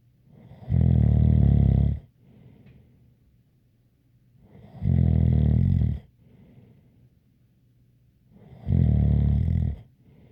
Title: Snoring Sounds ZZzzz with a light whistle